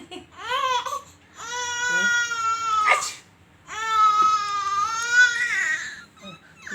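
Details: Two long, high-pitched wailing cries from an infant with a breath between them, in a small quiet room; infant crying in a clip of a baby laughing at sneezes.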